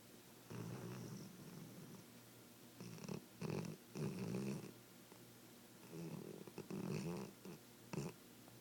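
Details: Repeated low, rumbling snores on each breath, with quiet pauses between them over faint room hiss; ordinary snoring.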